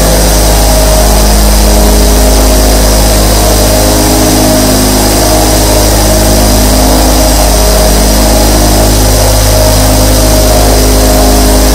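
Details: Nebulizer compressor sound.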